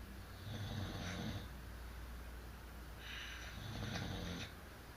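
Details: Two long, rumbling snores from a sleeping parent, rough and fluttering on the breath in, against a quiet room hiss; parents reputedly snore very loudly: snoring.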